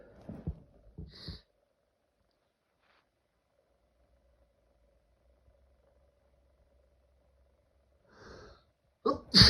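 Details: Several short sneezes and gasping breaths separated by a long quiet gap; intense allergic sneezing fit.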